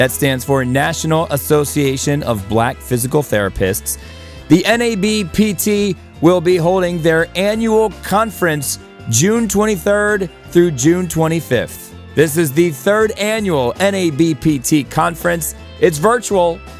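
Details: Adult speaker with background music; ordinary speech.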